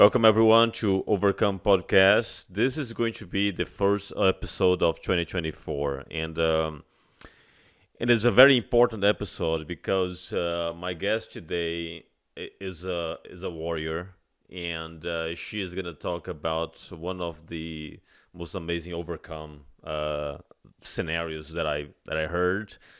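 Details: Adult male speaker; normal speech.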